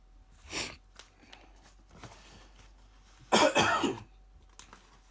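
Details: Adult recovering from flu, the second in three or four weeks, coughs twice in a quiet room, the second a longer harsh burst; post-flu cough.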